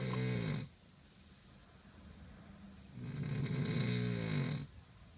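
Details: Heavy snoring: two loud, rough, low-pitched rattling snores on breathing in, separated by a quieter pause.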